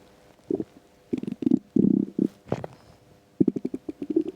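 Bursts of gurgling, bubbling rumbles with brief quiet gaps. Stomach rumbling from an empty stomach, a normal sound.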